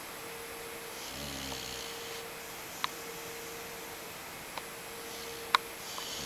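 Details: An English Mastiff puppy snoring while taking a snooze.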